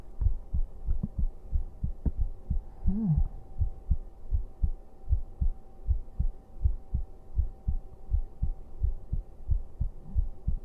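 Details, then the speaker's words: Normal heart sounds of a young man streamer, soft steady thumping about 80 per minute with faint hum and brief voice murmur, heart sounds for listeners falling asleep. "永 久 保 存 版 心 音 聞 か せ て や る か。 抱 き し め な が ら 俺 寝 る よ。"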